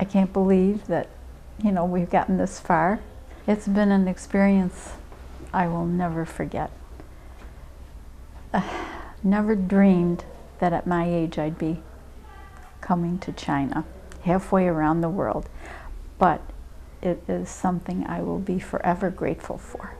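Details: Adult woman; ordinary speech.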